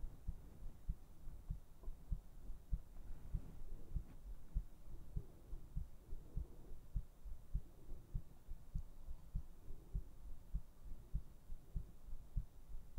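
Steady, soft, low thumping beats at about 98 a minute over a faint hum: a regular heartbeat.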